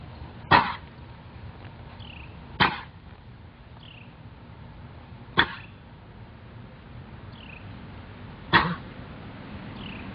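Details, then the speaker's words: Four short, forceful coughs about two to three seconds apart from a horse being worked in a round pen to show the cough. "Maybe I should just do the round pen coughing so they can see the cough."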